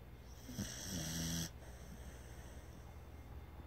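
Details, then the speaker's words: Someone snoring very loudly: one loud, rattling snore lasting about a second, then quiet room noise. "here we go. I'm trying to capture snoring very loudly."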